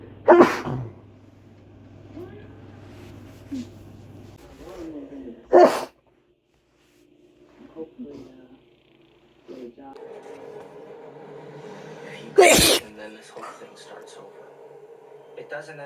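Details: Male sneezing fit deliberately induced with chhikni powder: three loud, explosive sneezes spaced several seconds apart, with quiet breathing and faint room sounds between them.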